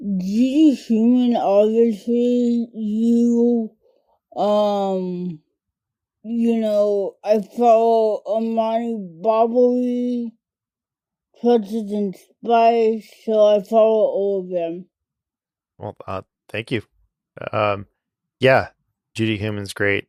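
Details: Adult woman diagnosed with cerebral palsy as a toddler, affecting mainly her speech and fine motor skills; dysarthria (cerebral palsy).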